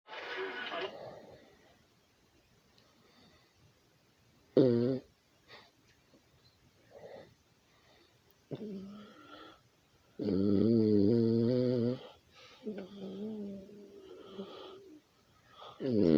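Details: A sleeping pet snores in irregular bursts, some rough and rumbling, others with a buzzing, whistling tone.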